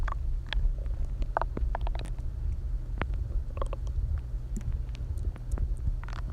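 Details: Low continuous rumbling with scattered gurgles and squeaks from a person who has not eaten all day; hunger stomach growling (borborygmi).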